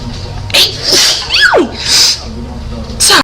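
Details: Sneezing from a compilation of girls sneezing: several loud, hissing sneezes in quick succession, one with a voiced squeal, over faint background music.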